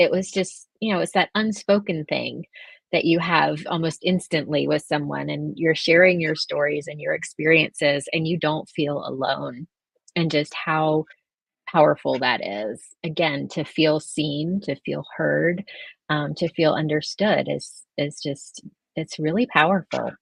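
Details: Adult woman born prematurely who spent about 5 months in the NICU, mostly on a ventilator with oxygen; she has vocal cord paralysis caused by the ventilation; vocal cord paralysis.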